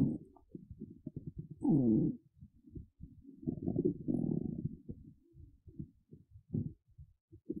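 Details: Irregular low gurgles and rumbles from an adult woman's hungry, empty, hollow belly; hunger-related bowel sounds (stomach rumbling).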